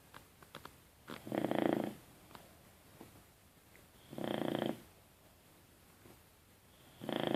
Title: Snoring Boxer "Rocco"